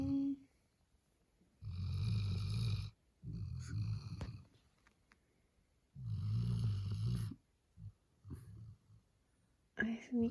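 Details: 8-month-old male black Labrador Retriever puppy snoring while asleep: loud, low rattling snores in long bursts, about three over ten seconds, quiet gaps between breaths; snoring.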